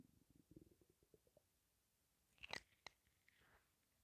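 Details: Stomach rumbling when breathing in and out, with gas and air only and hunger suspected: a run of soft, quick gurgling pops, then a louder squelch and click with a faint airy hiss.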